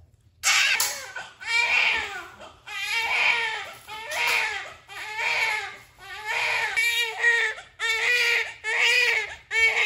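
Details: Strong, repeated crying in loud bursts with short gasping pauses from a newborn baby boy just after a normal vaginal delivery, born with meconium at a lying-in clinic; vigorous newborn cry.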